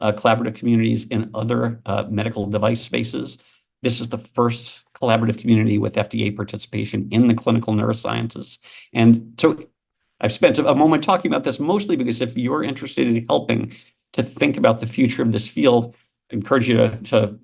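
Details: Adult man speaking; normal speech.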